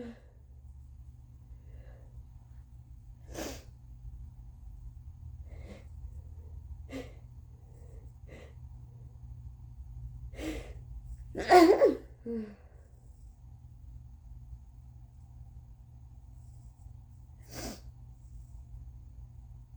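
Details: On day 2 or 3 of a bad cold, very congested. Several sneezes with long, breathy, congested buildups, the loudest near the middle, over a low room hum: a sneezing fit with nasal congestion.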